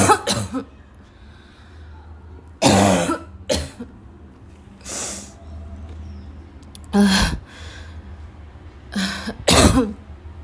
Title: choking cough